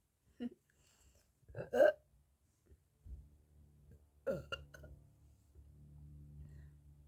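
A few short, low throaty belches in a quiet room, followed by a soft hum of background noise; ordinary burping.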